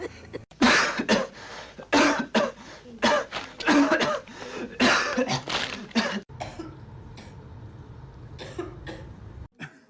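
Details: Supercut of acted coughs and throat clearings from many film scenes, compiled with movie sneezes, then quieter room sound; simulated coughs, not real patients.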